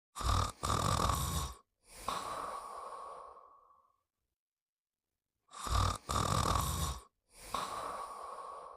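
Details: Animated cartoon character imitating snoring while sleeping: loud rattling inhaled snores alternating with long drawn-out exhaled whistles, separated by a pause.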